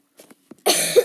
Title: Sorry for the sniffing and coughing